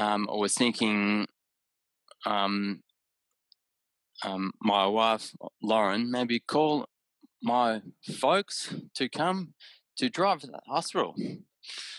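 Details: Adult man with aphasia after a haemorrhagic stroke caused by an AVM at age 34, recorded about six years later; right-sided deficits, vision issues, word-finding difficulty, mixing up similar objects; aphasia.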